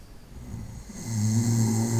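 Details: Snoring at night during sleep: a single rising, rumbling in-breath swelling into a loud rattling snore.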